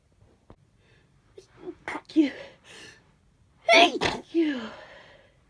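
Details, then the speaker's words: Sneezes from someone with a mild cold, stuffy and runny nose: sharp in-breath and burst of air, the first stifled and muffled, the second let out fully. "of compilation video of sneezes I've had that I've caught on camera over the past couple of days or so. I have kind of like half a cold, I'm quite stuffy and my nose runs quite a bit, but I feel fine in myself."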